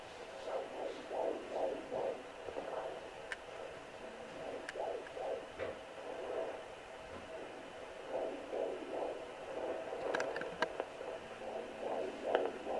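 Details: Home handheld Doppler with ultrasound gel on the belly of a woman pregnant with her tenth child: rapid whooshing pulses at about 140 a minute. Normal fetal heartbeat on Doppler.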